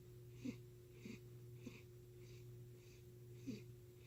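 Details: Cat that never had a normal purr: soft, regular rasping breaths about twice a second over a steady hum, noisy heavy breathing rather than purring.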